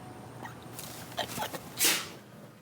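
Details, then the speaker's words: A short gasping build-up ends in one sharp, hissing sneeze over quiet background; the sneezer jokes that every sneeze seems to transport them somewhere else. "I feel like every time I sneeze I keep transporting somewhere how do we defend its random I just what's going on honestly I have no idea"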